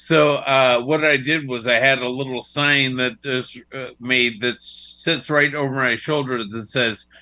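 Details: Dysarthria after a stroke in a male stroke survivor whose speech is now slurred.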